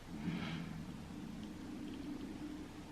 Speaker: you just hear that that was my stomach